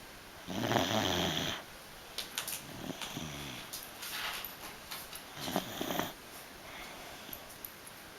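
A dog snores: one longer rattling snore, then short snuffly, whistling breaths over a constant background hiss.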